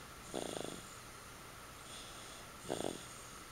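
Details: Female sleeper snoring after a tiring day: two short, rough, fluttering snores about two seconds apart over steady room hiss.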